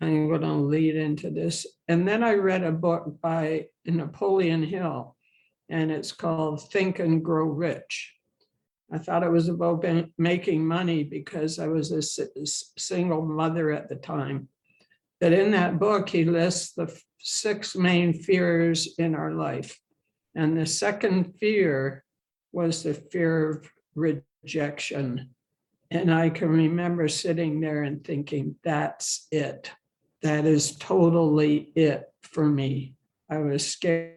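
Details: Adult woman who has stuttered throughout her life and has had speech therapy and support-group experience, speaking in English; finding: stuttering.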